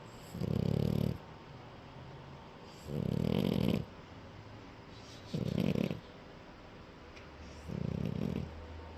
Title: @CutieTheFrenchie Snores! Nap time ❤️🐮 #cutie #puppy #frenchbulldog #dogbreed